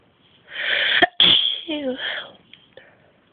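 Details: Person sneezing: a sharp intake of breath, then a single forceful, explosive sneeze with a brief vocal tail.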